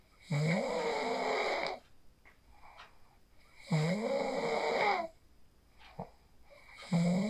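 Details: Phone recording of a sleeper after practicing the 4-7-8 breathing technique: loud, buzzing snores on each inhalation with quiet pauses between, about 18 breaths a minute; snoring during sleep.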